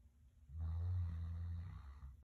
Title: Christmas dog snoring